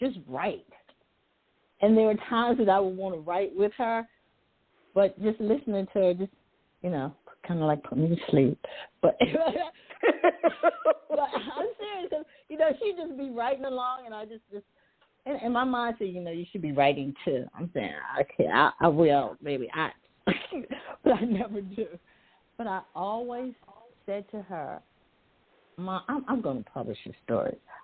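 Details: Adult woman who says she stutters sometimes, with word repetitions; stuttering.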